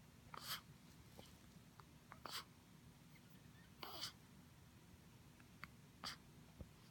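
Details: Several short, abrupt hiccups at irregular intervals against quiet room noise; hiccups.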